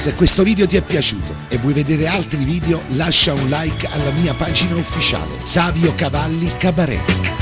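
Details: Adult male speaker; normal speech.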